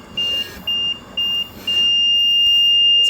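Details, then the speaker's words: LTV 1150 home ventilator alarm on a baby's tracheostomy dual-limb circuit during a circuit change: four high-pitched beeps, the last long and continuous, after the patient circuit is disconnected; it keeps beeping until silence reset is pressed. "to beep it will not stop beeping until you press silence reset"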